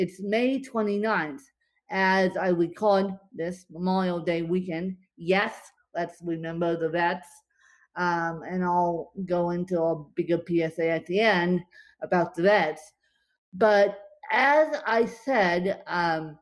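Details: Dysarthria in a woman with cerebral palsy affecting her limbs and brain; she describes being tongue-tied from her cerebral palsy today, after a bad spasm day.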